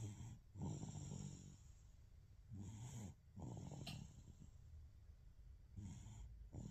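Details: Baby snoring in sleep: soft, low, fluttering snores with each breath, about 22 a minute, with quiet pauses between; ordinary snoring.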